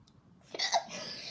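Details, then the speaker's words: A person hiccups repeatedly and is encouraged to let the hiccups out rather than hold them in: hiccups. "even more hiccups let's see a charm - hiccup okay ready don't hold it in doll let it hiccup"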